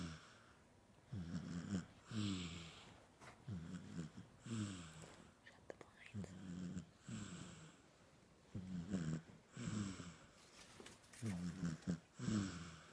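Rhythmic low rattling snores on the breaths in and out, with quieter pauses between, about a dozen breaths a minute.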